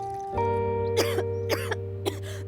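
Three acted adult coughs in quick succession over steady background music.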